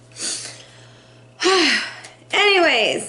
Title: Tarot Rapid Sneezing